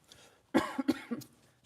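A short run of three or four dry, throaty coughs in quick succession; a mild cough.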